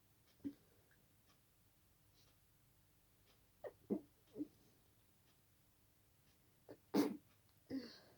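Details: Night-time sneezing fit in a quiet room, sneezes deliberately stifled, some escaping, triggered by a tickle: several brief muffled bursts with a louder one near the end; stifled sneeze.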